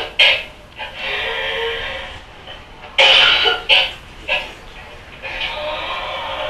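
Three harsh coughs in quick succession over steady background hiss, with no distinct whoop on the in-breath; whooping cough in an adult.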